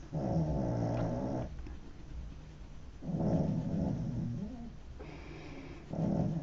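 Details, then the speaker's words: Slow, rumbling, low snores recurring about every three seconds, with faint room noise between them, from a contented pet dog asleep in a studio. "Sorry if you can hear my dog snoring. That's Maisie. One contented dog."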